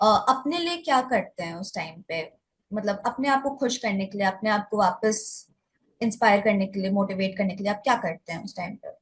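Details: Adult woman; typical speech.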